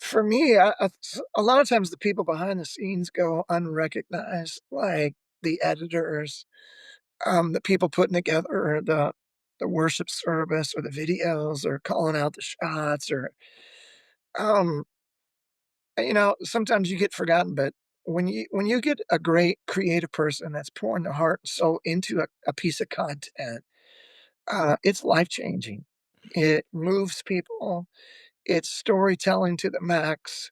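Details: Adult male former lead vocalist whose voice loss began at the height of his career and ended his music career; self-reported spasmodic dysphonia, audible in his voice; speaks quietly using a microphone.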